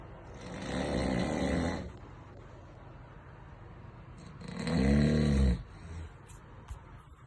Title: Snore king 😅